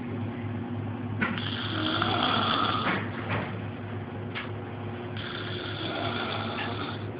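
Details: Sister asleep gives two long, rough, rattling breaths over a steady low hum like a fan or motor in a small room. Snoring.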